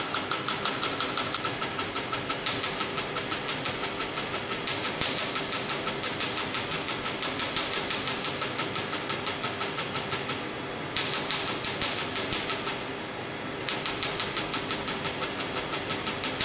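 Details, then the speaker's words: Q-switched Nd:YAG laser firing fast steady snapping pulses with brief pauses during carbon peel facial skin rejuvenation, foot pedal applied after setting energy 800 and frequency. "then we see we have a red light 2.0 where the laser is and then I applied the foot pedal"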